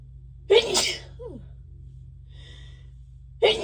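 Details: Induced sneezes with very itchy nose and watery eyes, announced aloud beforehand: a single loud, sharp sneeze burst, then a quiet gap and the start of a second sneeze.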